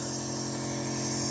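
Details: Compressor nebulizer motor running with medicine during an at-home demonstration of nebulizer use for kids or adults: a steady mechanical hum and buzz.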